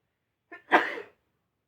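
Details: Streamer sneezing: a short in-breath, then one sharp explosive burst of air through the nose and mouth; a single sneeze.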